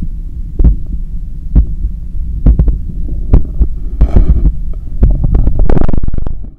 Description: As I am cooling down from a 10km run, this is my heart pumping, with clear sounds of blood passing through the cardiac chambers and arteries, visibly strong in my neck.